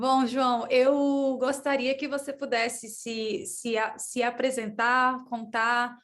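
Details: Female host who says she stutters, speaking Portuguese in an interview; stuttering.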